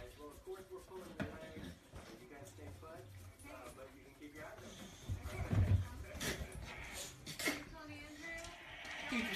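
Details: A pit bull sitting in his owner's lap sneezes repeatedly into the owner's face while getting his stomach rubbed: several short, sharp sneezes in quick succession as a man talks softly to him.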